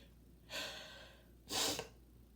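A drawn-in breath followed by a sharp, wet, explosive burst of air: a single sneeze.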